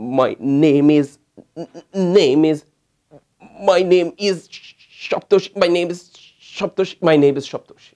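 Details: Stammering with repeated words, returning to the starting word after one or two words, then the whole sentence repeated after finishing, attributed to a homeopathic 'euphrasia' type; stuttering with word and phrase repetition.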